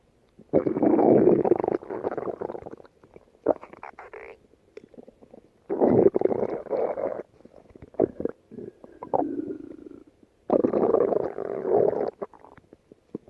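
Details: Stomach growling: loud, long gurgling and rumbling bursts with short squeaks and pops between them; ordinary borborygmi.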